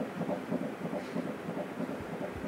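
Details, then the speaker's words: Fetal heartbeat on Doppler at a 12-week scan in an older mother's 14th pregnancy; fast, rhythmic whooshing pulses about twice an adult's rate, baby anatomically normal. "okay Tracy and hear the baby's heart beating there it's about twice the rate that ours normally beat"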